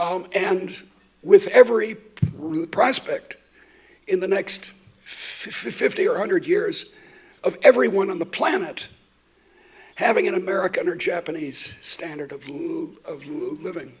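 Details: Adult woman who states she stutters, speaking while she has a terrible cold; repetitions heard; stuttering.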